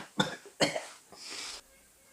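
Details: Acted cough in a Korean monodrama, by a character with a lingering cold: two short coughs followed by a breathy exhalation; simulated cold cough.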